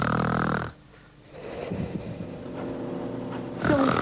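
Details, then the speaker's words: Loud rough snoring during sleep with a quieter gap, from a patient in a hospital sleep lab, measured at about 80 decibels. "вот этот пациент громко храпит сейчас громкость около 80 децибел это типично если храп мешает"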